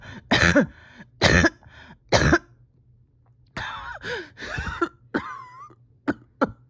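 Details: Painful, effortful cough from a patient reporting a tight chest and steady oxygen levels after a rough weekend: three harsh, forceful coughs, then strained throat-clearing and short coughs.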